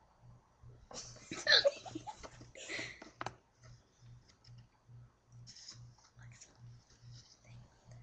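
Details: Girl with hiccups: soft, regular low jerky sounds about every half second under a few brief bursts of noise, a run of hiccups.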